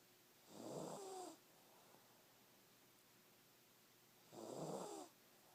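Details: Snoring heard every night at sleep: two slow, rattling snores about four seconds apart, with quiet room noise between them.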